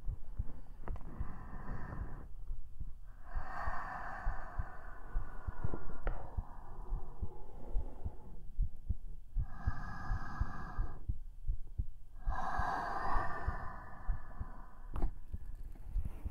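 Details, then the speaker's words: Soft, low heartbeat thumps recorded through a close KU100 binaural microphone in an ASMR video, mixed with breathy rustling; an ordinary normal heartbeat. "How did you like that? Ikaga deshita de shou ka? Did you like the sound of my heartbeat?"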